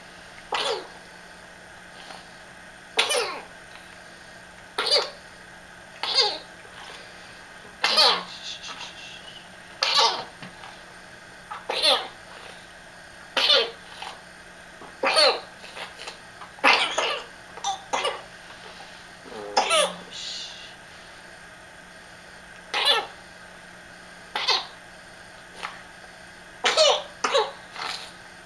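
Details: Child's night-time coughing fit, recorded for her doctor: about 18 short, sharp coughs in half a minute.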